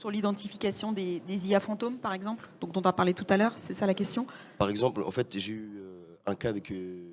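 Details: Adult speaker; Normal speech.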